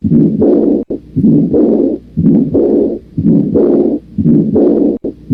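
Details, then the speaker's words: Severe aortic regurgitation: loud to-and-fro whooshing murmurs filling systole and diastole, about 60 a minute, heard at the aortic focus. "Vas a escuchar los dos tipos de soplos, el de la insuficiencia aórtica severa en el foco aórtico y el de Austin Flint en el foco mitral."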